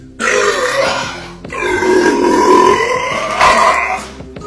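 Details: Sprite burp challenge, burping after drinking Sprite: long, loud, drawn-out belches with a low rumbling voiced sound over background music.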